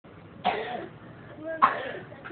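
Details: Young boy (little brother) coughing persistently: two short sharp coughs close together over quiet room noise; cough.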